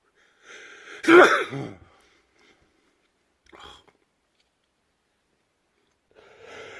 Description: World loudest sneezes: Watch me sneeze alot more.